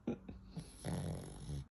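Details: Nearly 12-year-old deaf Cavalier dog sleeping deeply: brief snorts, then a longer low rattling breath sound; snoring.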